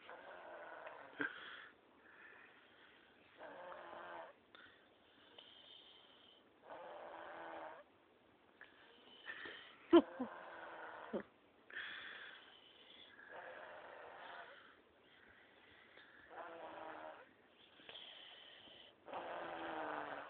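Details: Repeated rasping snores during sleep, about ten over twenty seconds, in a slow rhythm with some whistling tones; snoring.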